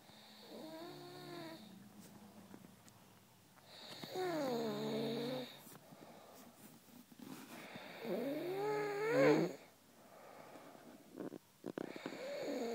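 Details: Snoring in a sleeping cat: three drawn-out, whistly, wavering noisy breaths a few seconds apart, with quiet pauses between.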